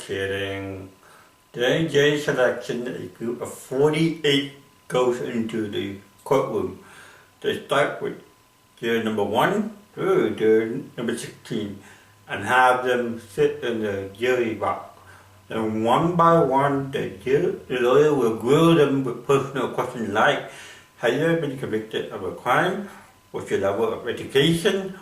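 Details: Adult with cerebral palsy performing comedy in English: dysarthric speech in cerebral palsy.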